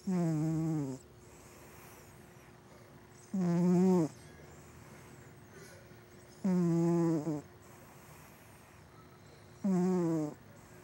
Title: Gato Roncando // Cat Snoring